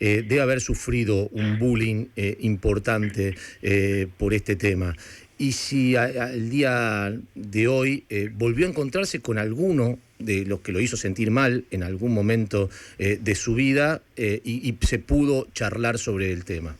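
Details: Adult male speaker; typical speech.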